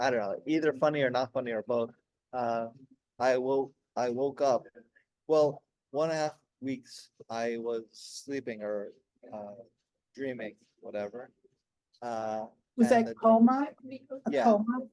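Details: Adult man 16 years after a stroke during heart valve surgery, with post-stroke aphasia and ongoing word-finding difficulty; he could say only one word for about a year at first.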